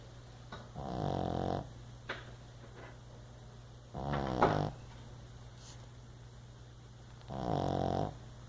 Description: Can't sleep this dog keeps me up all night